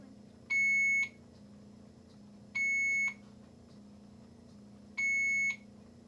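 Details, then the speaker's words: ICU infusion pump reminder alarm when an infusion is finished: high-pitched half-second electronic beeps repeating every 2–2.5 seconds over low room hum. "fear not many of the alarms you hear are only reminders when the infusion is finished it'll just kind of beep once and then it'll continuously beep until"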